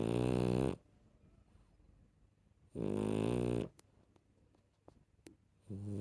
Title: share the snoring #subscribe #viral #foryou #rescue #puppy #dog #youtubeshorts #tiktok #instagram